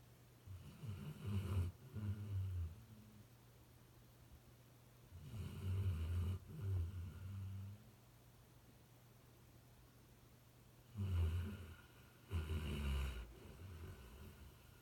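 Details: Pet napping outside a home office door: deep, fluttering snores in paired bursts, in and out, repeating every five to six seconds over a steady low hum, snoring.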